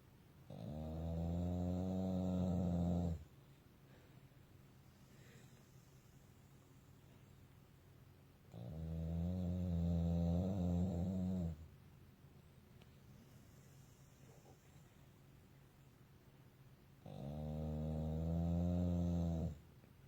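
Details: A sleeping pitbull/boxer mix dog gives three long, deep, rumbling breaths about eight seconds apart, roughly seven a minute; snoring.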